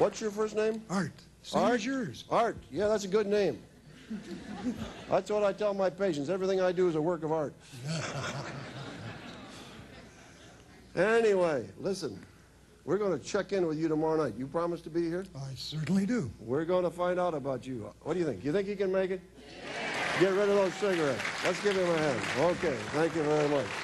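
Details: Adult male host, with brief replies from a second man; typical speech.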